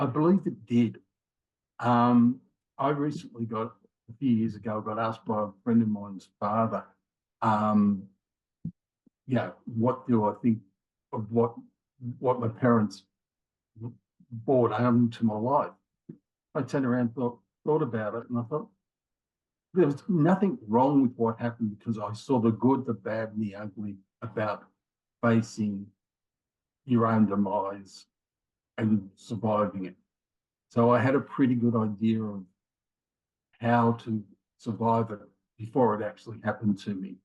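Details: Mild aphasia in a man after a left-sided ischemic stroke in January 2020 at age 58; he sometimes can't think of the word or get it out, worse with afternoon fatigue; history of two heart attacks and rheumatoid arthritis.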